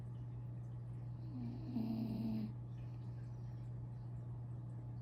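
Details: Mini doodle dog snoring while asleep again after breakfast the morning after Thanksgiving.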